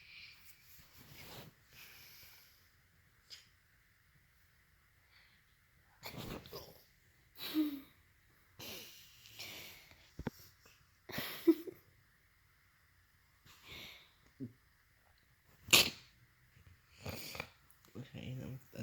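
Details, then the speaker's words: Odd, stifled adult sneeze after a struggle to get it out: a series of sniffs, snorts and breathy bursts with one sharp release. "That was a weird ass sneeze."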